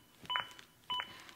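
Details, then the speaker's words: Zoll AED Plus CPR metronome demonstration: two crisp electronic beeps about 0.6 seconds apart, synchronized with chest compressions and pacing them to at least 100 per minute; the beeps stop during rescue breaths. "if you do stop compressions like I am now to give 2 breaths the metronome stops when I start back up the beeps begin again and are synchronized to my compressions and again speed me up to at least 100 compressions as recommended by the American Heart sation"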